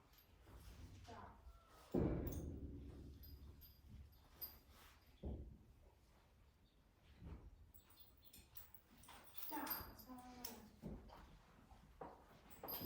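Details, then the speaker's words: Animal relaxing during cold laser therapy for back pain, resting a back leg and taking slower, deeper breaths with flaring nostrils: audible belly gurgling, borborygmi. "Can you hear her belly gurgling too?"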